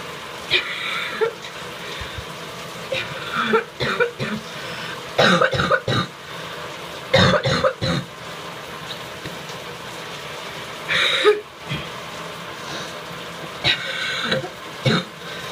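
Repeated harsh, rattly coughs and throat clearing over running shower noise; a loose, productive cough.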